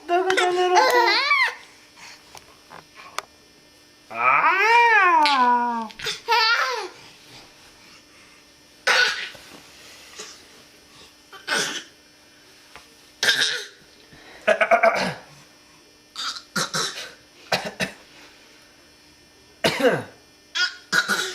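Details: An infant laughs and babbles, then gives a string of short, separate coughs in a quiet room.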